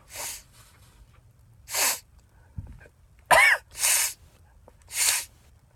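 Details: Series of about ten sneezes provoked by cayenne pepper; sneezing.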